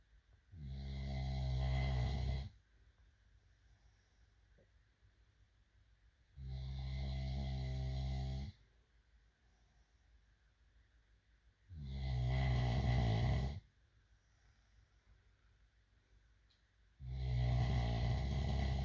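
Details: Deep, rumbling snores on each breath in, about every five seconds (roughly 12 breaths a minute), with quiet pauses between: snoring.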